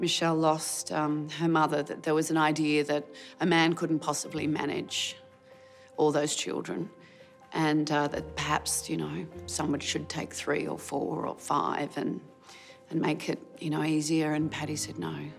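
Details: Adult woman speaking; plain speech.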